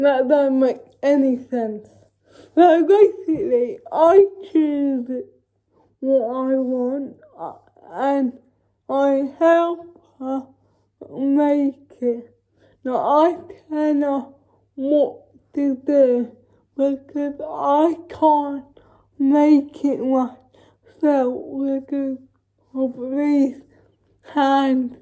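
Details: Dysarthria in a female vlogger with cerebral palsy, real everyday speech.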